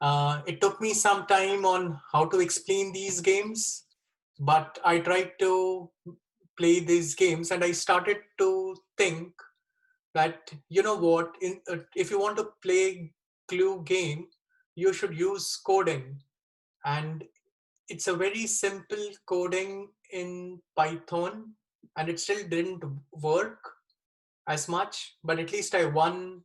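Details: 36-year-old man with Wernicke's (fluent) aphasia after a stroke with bleeding in the left side of the brain, dated April 2019 or April 2020; recorded September 2020; he reports a problem communicating.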